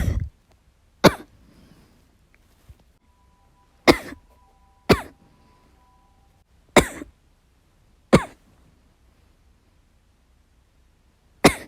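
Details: Person recuperating from illness, coughing while playing a video game: seven hard, explosive single coughs at irregular intervals over about twelve seconds, with a faint electronic tone behind; forceful repeated cough.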